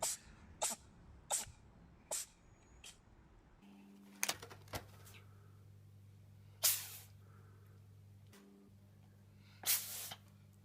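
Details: Cat: a run of sharp, brief sneezes, about eight in ten seconds, over faint room noise and a low hum; sneezing.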